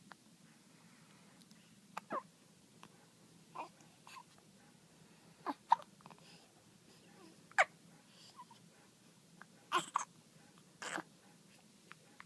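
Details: Hiccups: quiet, sharp little catches of breath recurring irregularly, about 30 a minute, over faint background hiss.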